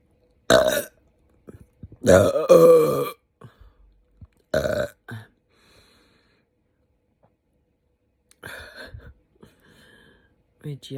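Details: Adult woman after eating too much spicy food, with an upset GI system and hiccups and burps at the same time. Several loud, long, rumbling burps, some with short catches, separated by silence.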